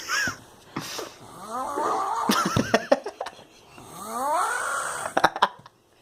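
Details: Irregular, voiced snoring with rising, groaning breaths and some clicks and room noise between them from a sleeping drunken friend; snoring.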